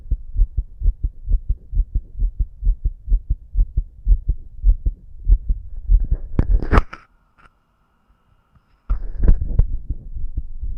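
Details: The person auscultates their own visibly fast heartbeat at different spots with a stethoscope. Quick, regular paired thumps at about 130 per minute are broken by stethoscope scraping, then silence.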